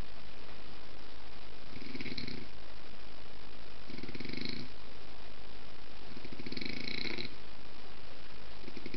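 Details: Dog snoring: soft, regular rumbling snores, about four in nine seconds, over steady background hiss.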